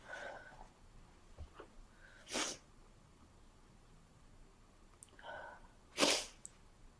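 Two sneezes, each preceded by a catching inhale, during a cold; quiet room noise between.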